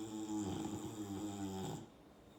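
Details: A soft, fluttering snore over one breath, then quiet, from a young female Boxer napping on her father; dog snoring.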